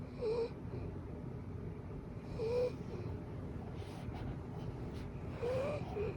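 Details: Sleeping golden retriever snoring loudly, described as a saw-like snore: three squeaky, whistling snores about every two and a half seconds over steady room noise; snoring.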